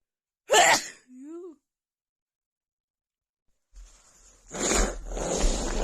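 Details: A sharp sneeze with a brief squeaky after-sound, then a wind-up breath and two more forceful sneezes, from a female with a bad head cold and an unbearable nasal tickle.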